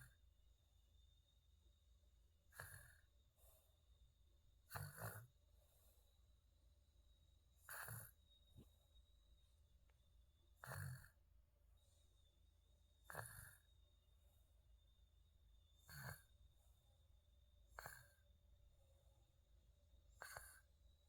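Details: Infant aged 250 days snoring lightly during sleep: faint, soft snorting breath noises recurring every two to three seconds, about 21 a minute, over steady room hum.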